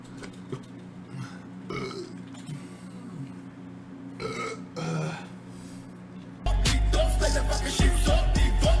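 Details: Man burping during a live stream: several short throaty belches over steady background music, then louder music and talk.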